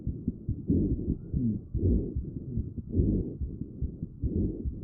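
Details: Child's chest auscultation recorded with a StethoMe electronic stethoscope, AI-classified rhonchi: low-pitched, snoring-like continuous tonal sounds through inspiration and expiration, from mucus, characteristic of asthma.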